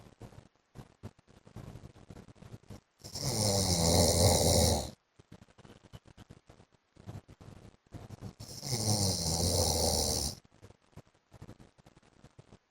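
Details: Adult man (husband) snoring in sleep: two long, loud rattling snores about six seconds apart, with quiet clicking breaths between; ordinary heavy snoring.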